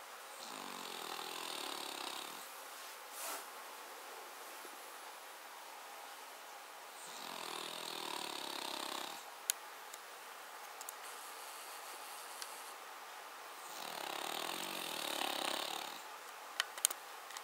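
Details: Cavalier King Charles Spaniel: three rough, rattling snores at regular intervals, about one every seven seconds, quiet breathing between; loud rough dog snoring.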